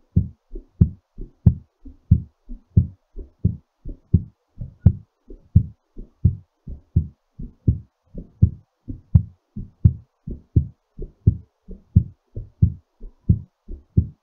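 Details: Clear, strong thumps at about 86 per minute on a quiet background; heartbeat settling after exercise.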